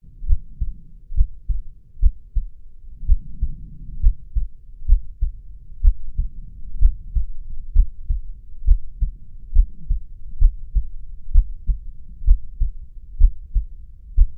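Steady lub-dub heartbeat at about 65 beats a minute, with normal first and second heart sounds.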